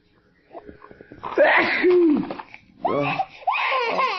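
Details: Infant's small sneeze, followed by startled, crying-like voiced sounds; baby sneezing.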